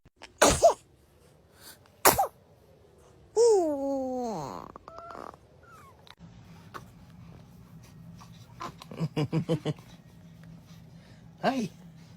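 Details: Infant sneezing: several short, sharp sneezes with brief crying and cooing between them, soft background music.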